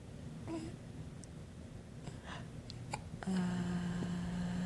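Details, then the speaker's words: Happy baby girl with hiccups: several short, abrupt hiccups with soft cooing and room noise. "Do you have hiccups from laughing?"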